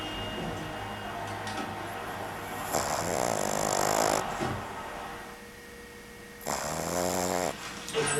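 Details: Sleeping 13-week-old Boston terrier puppy, nursing motions in sleep, gives two rough rattling snores with a pause, over background hum and faint TV; snoring.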